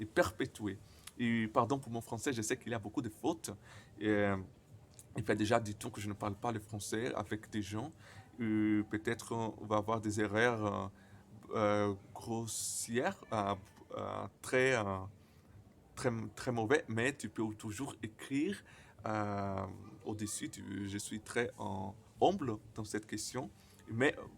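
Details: Stuttering in a man speaking French, who reports his stutter often involves silent blocks.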